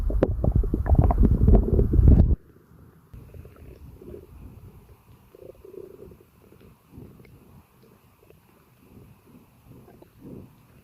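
Loud low gurgling rumble at first, then softer intermittent bubbling and gurgles. Active bowel sounds of digestion, a normal finding.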